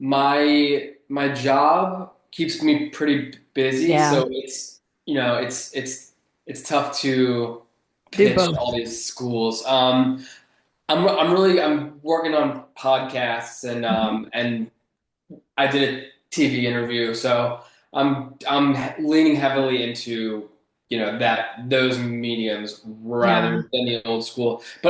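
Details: Adult man who has stuttered since childhood and still stutters, relatively mildly; he finds conversations like this stressful; stuttering.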